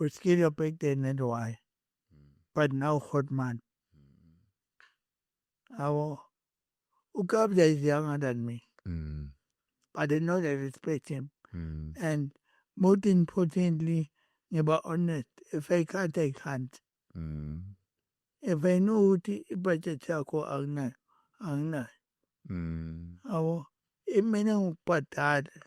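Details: Adult male with cerebral palsy from birth and a head injury from a June 2000 car accident affecting his speech, walking and left-ear hearing; dysarthric speech.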